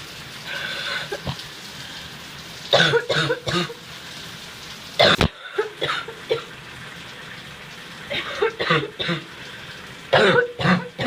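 Several harsh, wet coughs and throat clearing over running shower water, a productive cough bringing up phlegm.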